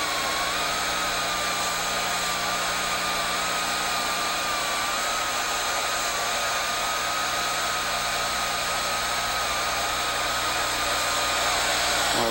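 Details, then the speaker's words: Low-speed dental handpiece with a large round bur removing residual caries with light brushing strokes, preparing a child's mandibular left second primary molar for a stainless steel crown under rubber dam: a steady high-pitched motor whine. "Then use a large, round burr in the low-speed handpiece to remove the caries that hasn't been removed by the preparation itself. Use light brushing strokes to avoid inadvertently exposing the pulp."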